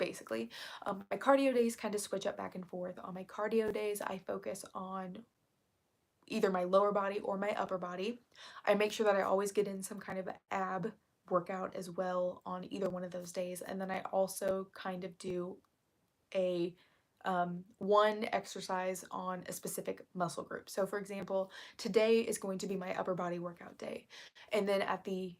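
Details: Woman who reports currently having really bad vocal fry, which she attributes to speaking quietly on purpose; vocal fry.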